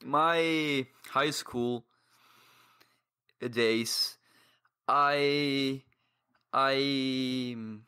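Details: 22-year-old man who has stuttered for as long as he can remember, reporting blocks and difficulty speaking; surrounding speech contains pauses and blocks; stuttering.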